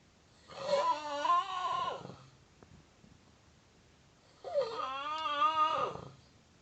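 Two long, wavering, squeaky whistling noises on breathing, separated by a quiet pause; unusual high-pitched snoring.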